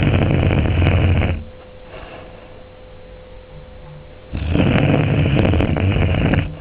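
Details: Sleeping female Springer spaniel family guard dog: loud, low, rattling snores, two long inhalations separated by a quieter pause; snoring.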